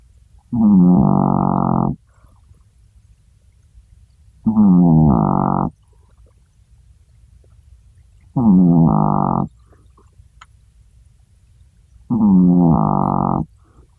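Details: Chihuahua snoring: four loud, honking, tonal snores, about 16 a minute, surprisingly big for a tiny dog.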